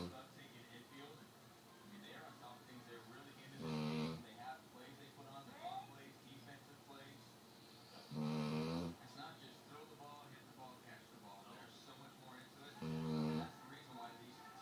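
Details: Presa Canario, a sleeping large dog: slow, rhythmic rattling snores about 13 a minute, with television talk and music in the background; dog snoring.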